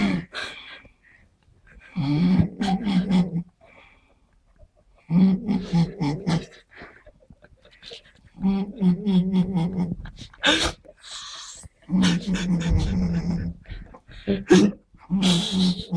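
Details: Sleeping person snoring while being pranked: loud, rough, rattling snores on each breath, about 18 a minute, with quiet pauses between; heavy snoring.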